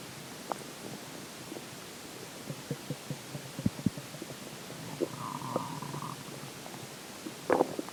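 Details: Stomach growling: soft gurgles, pops and low bubbling rumbles over a quiet hiss, with one brief squeaky whine; normal borborygmi.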